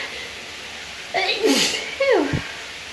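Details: Allergy sneezing in a female before a shower: a quick intake of breath, then a sharp hissing burst and falling voiced tail; a single sneeze over steady shower noise.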